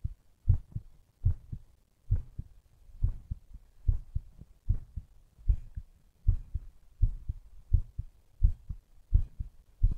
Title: STRONG HEARTBEAT